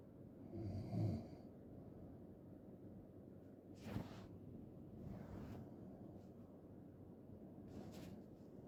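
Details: Low rattling snore sounds recur over several seconds against room noise, with a louder burst near the start; loud snoring.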